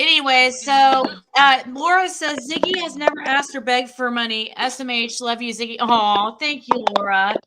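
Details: Adult woman speaking; Normal speech.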